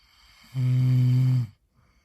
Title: He says he does not snore. Truth hurts